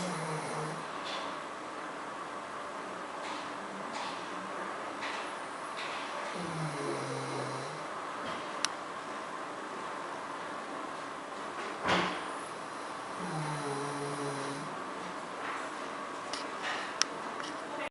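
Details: 14-year-old mixed-breed dog snoring while sleeping calmly after treatment for respiratory distress, extreme panting, vomiting and falling: soft, low, droning snores about every six to seven seconds over steady room noise.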